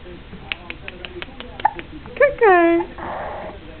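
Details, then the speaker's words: Hiccups in a young dog lying in a bassinet: a quick series of soft, faint clicks, then a high little whine and a breathy snuffle. "the hiccups. Oh. Oh, that big hiccups."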